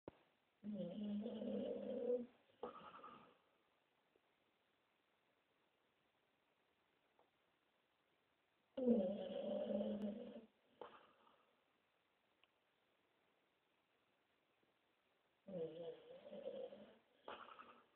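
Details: A sleeping dog snores in slow, rhythmic cycles, about eight breaths a minute, with quiet pauses between.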